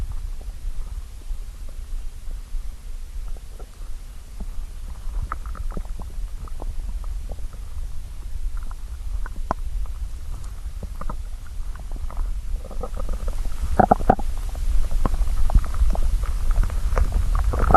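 Low gurgling and bubbling rumbles with scattered pops, growing louder toward the end. Stomach growling from hunger, a normal bowel sound.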